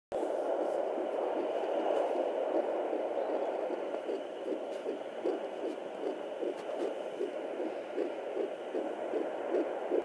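Rapid, regular whooshing pulses of a fetal heartbeat, about 150 beats a minute, over steady Doppler hiss.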